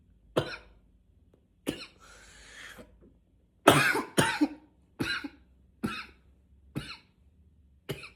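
About nine sharp coughs in eight seconds, some in quick pairs, with a rough throat-clearing between; persistent repetitive coughing.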